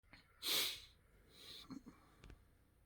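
One sharp, hissing burst of air, then a softer follow-up breath and small clicks. A sneeze.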